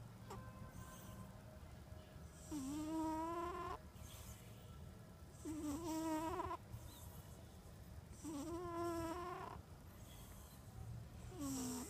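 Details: Snoring in a cat sleeping after eating tuna: whistling, tonal snores, about 20 breaths a minute, over faint background noise.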